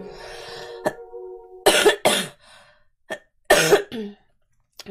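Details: Girl coughing: three short, harsh cough bursts with a hum and throat sounds between them; a plain cough.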